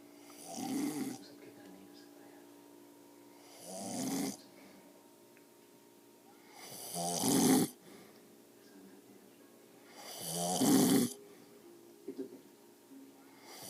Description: My grandpa is a heavy snorer and does not belivev that he snores but i took this video to show him how much of one he is hahaha.